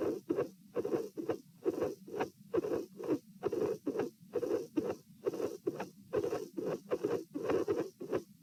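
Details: Heart sounds at pulmonary area, patient sitting, with dilated aortic root: irregular rhythm with premature atrial and ventricular contractions.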